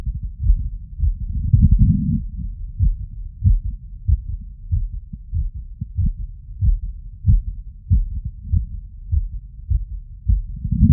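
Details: Strong, muffled heartbeats heard through a stethoscope after physical workload, roughly 95–100 beats a minute; a quickened heart rate after exercise.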